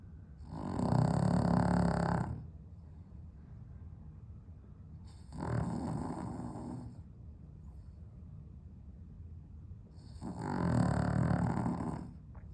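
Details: Dog with sleep apnea, somewhat improved on heart medication, sleeping on a hot 32°C day without air conditioning: loud low rattling snores, about three in twelve seconds, separated by long quieter gaps.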